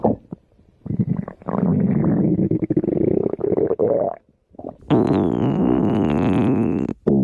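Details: Stomach growling (borborygmi): loud gurgling and rumbling bursts, then a long, high, squealing growl; normal gut movement.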